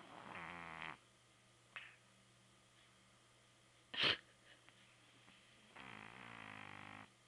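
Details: A sleeping cat snores: two long, buzzy, rattling breaths about five seconds apart with a brief sharp snort between them, over a faint steady hum; snoring.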